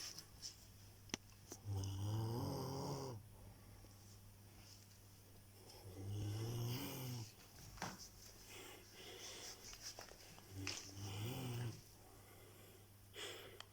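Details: Deep, vibrating snores about every four to five seconds, with quiet breathing and small room sounds between; snoring.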